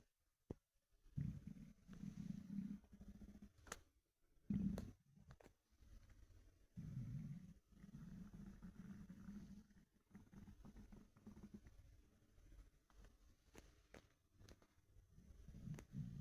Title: Empty stomach rumbling through my tee shirt